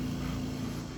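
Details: Steady low mechanical hum of a running oxygen concentrator kept for saving puppies; the hum alone does not show whether oxygen is flowing.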